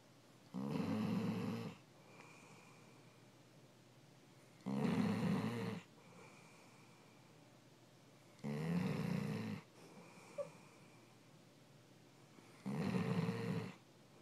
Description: My yellow lab is LOUD when she's sleeping! She won't make a sound all day, but she makes up for it all night long!